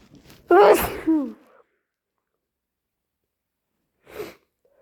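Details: Person with a cold, still stuffy with an itchy nose: one loud, wet sneeze with a voiced catch, then a short sniffle seconds later.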